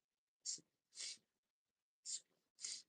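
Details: Adult woman sneezing, attributed to allergies, with a raspy voice and burning nose.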